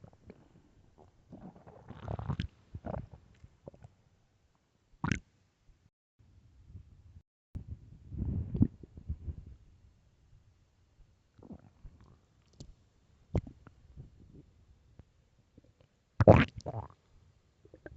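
Irregular low rumbling and gurgling bursts with a few sharper squelches over quiet gaps: loud stomach growling from normal gut movement.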